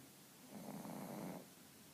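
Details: Female pug asleep and very sleepy as her owner tries to wake her for a walk; one long, rough, rattling snoring breath just under a second long rises out of quiet room noise.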